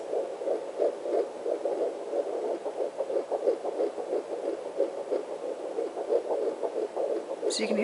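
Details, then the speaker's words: Self-use handheld Sonotech Pro fetal Doppler low on the mother's abdomen: fast regular whooshing fetal heartbeat, roughly 170–180 per minute, baby usually in the 170s; fetal heartbeat on Doppler. "And that's the baby. Just got to let this climb a bit. There we go. Say he's usually in the 170s."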